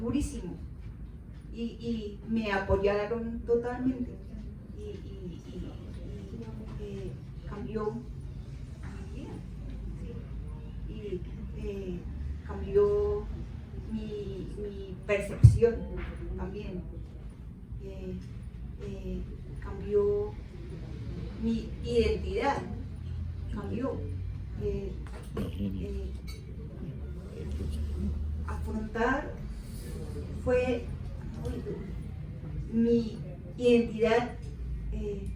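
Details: Adult woman with aphasia for about 13 years after a left-hemisphere stroke from an aneurysm, followed by a month in coma; she woke unable to speak, read or write, with half-body paralysis; finding: aphasia.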